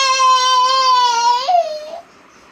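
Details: 9-month-old baby boy, irritable from teething and refusing milk, cries a loud, sustained, high-pitched wail that breaks and then trails off.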